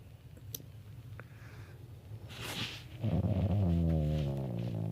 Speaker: Listen to how my dog snores. Just listen.